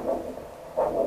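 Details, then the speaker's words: Arterial Doppler pulse signal at the ankle during screening for lower-limb peripheral arterial disease, before cuff inflation: rhythmic whooshing pulses, each surge marking blood pushed through the artery with a heartbeat. "comme vous l'entendez, on a de façon très rythmique le signal Doppler qui indique le passage du sang dans votre artère."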